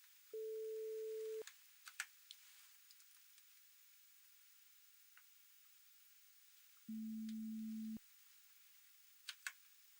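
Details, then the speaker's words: Pure-tone audiometry over headphones in a simulated (roleplay) ENT hearing retest for clogged ears: two steady tones, higher then lower, about a second each, with soft handling clicks. "Vous vous souvenez de l'exercice où l'on lève la main du côté où l'on entend le son ? Bien. Ça devrait commencer dans quelques secondes."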